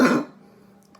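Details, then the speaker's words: Adult female surgeon on day 18 of COVID-19 illness, with evening worsening and low fever, takes a deep breath and gives one short dry cough without rattle, then quiet. "actually fairly dry it's not too bad I feel like I got pretty good wind"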